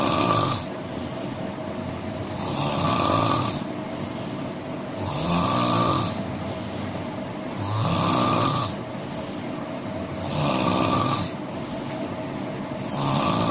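Steady, harsh snores recurring about 24 times a minute over constant room noise; ordinary heavy snoring.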